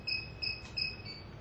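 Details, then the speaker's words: Repeated high, shrill electronic chirps: SK-600I infusion pump completion alarm sounding at the end of an infusion during an accuracy test, before stop is pressed. "at the end of the infusion there will be no completion alarm to arouse people's attention there is the completion alarm press stop"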